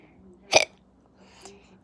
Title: Sorry I have the hiccups